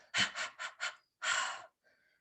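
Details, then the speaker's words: Adult imitation of newborn periodic breathing: quick irregular breaths, a pause, then a longer breath; normal in sleeping newborns, who outgrow it. "and that's called periodic breathing and that's all normal they're just trying to figure out how to breathe"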